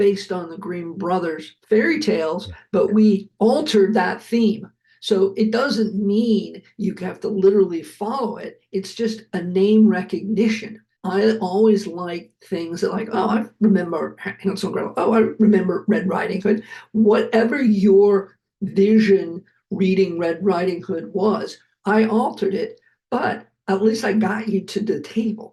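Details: Adult male heart attack survivor with aphasia, speaking after noting his aphasia was kicking in; aphasia.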